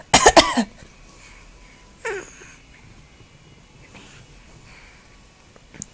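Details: Young child making a deliberate, playful "bad cough" on request: a short burst of two or three sharp coughs, then a small throat sound.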